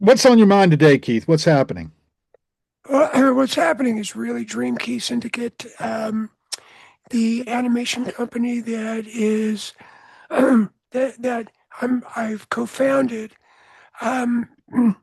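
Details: Adult man whose voice was altered by throat cancer, treated in 1993 with surgery, radiation and two years of experimental chemotherapy: voice change after throat cancer treatment.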